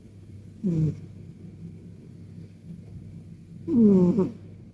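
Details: Two soft, slightly whistling snores about three seconds apart over a low purr-like rumble from a Persian cat in a deep nap: snoring.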